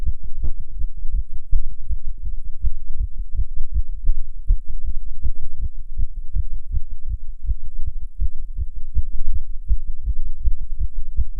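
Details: Rapid heartbeat in a non-smoker while smoking a cigarette: fast, steady, low heartbeats well over 100 per minute. Tachycardia from nicotine, an effect stated to be stronger than usual.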